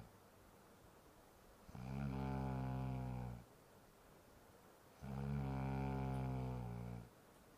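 Two long, droning, vibrating snores, each under two seconds, with quiet gaps between; steady snoring.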